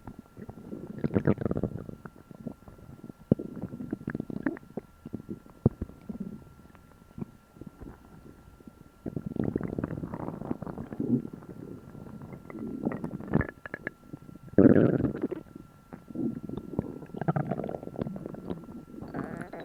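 Loud, long gurgling and rumbling bursts with quieter gaps between them: loud bowel sounds after a meal, a normal digestive noise.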